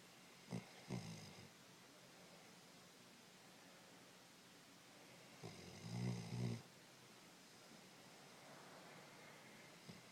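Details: Snoring: low, rumbling snores in two bursts several seconds apart, with quiet breathing between them.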